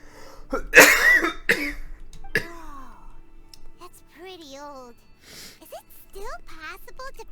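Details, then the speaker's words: A person with a throat tickle and a throat swollen from talking and coughing gives three short, dry cough bursts during a gaming session with game music: a cough from throat irritation. "and my throat's so I guess swollen from the talking and the coughing that I sound like I'm wheezing to death but I'm really not"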